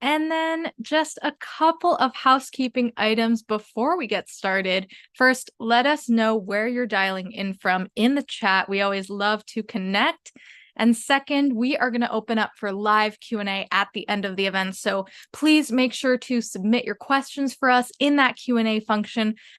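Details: Adult woman speaking; normal speech.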